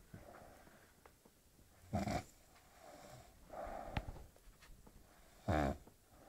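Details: Quiet room with soft rhythmic breathing and a few louder rattling snores on the breaths; snoring.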